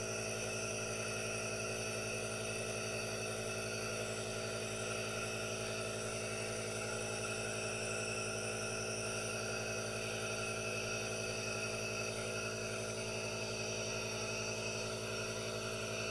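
Steady mechanical hum with a continuous hiss and a fast, even pulsing throughout, typical of a compressor nebulizer running.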